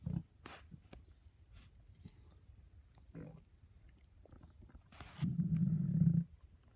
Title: My stomach growling very loudly